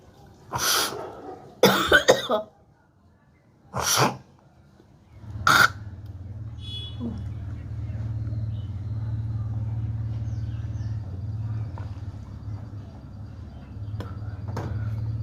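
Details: Woman with a cold, cough and blocked nose, with phlegm collected in her throat: about four harsh, rasping throat-clearing coughs as she hawks up phlegm, then a steady low engine hum.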